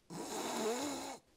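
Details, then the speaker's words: Imitated throat snoring (airway vibration): a single rough, strained snore of about a second, sounding like a stuffy throat, mimicked by a person who has snored for nearly 20 years. "Ah, it's a bit different You can hear the sound of a stuffy throat It's uncomfortable just listening to it"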